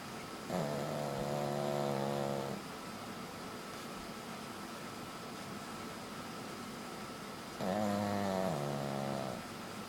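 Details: Pug, a flat-faced dog, sleeping: two long, droning, buzzy breaths about seven seconds apart over faint room hiss, snoring.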